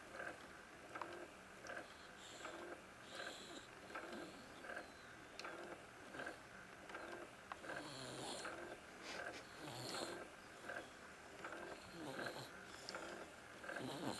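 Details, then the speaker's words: Snoring during sleep: soft, rhythmic snuffling snores at about 40 a minute over steady room noise; ordinary snoring. "He snores like an old man."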